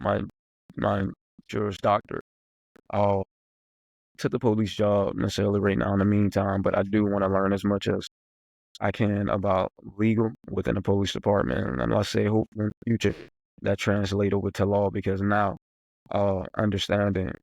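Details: Adult who stutters speaking on a podcast, mentioning getting stuck while speaking; stuttering.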